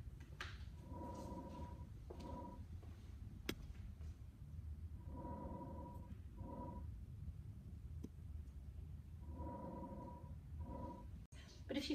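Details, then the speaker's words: Simulated normal breath sounds from a training manikin, heard close to the manikin for respiratory-rate counting: regular mechanical breaths, about 15 a minute. "now if you go a little bit closer to the mannequin you should be able to audibly hear the breath sounds"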